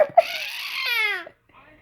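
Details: Baby crying: a single brief wail rising then falling in pitch, then quiet; an ordinary infant cry.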